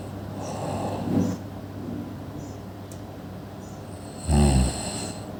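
Two rough, rattling snores over a steady background hum.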